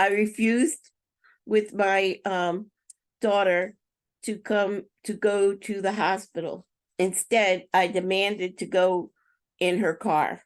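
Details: Woman with aphasia following a stroke in March 2020, presenting on an aphasia awareness team about four years later (May 2024); speech errors attributed to her aphasia; aphasia.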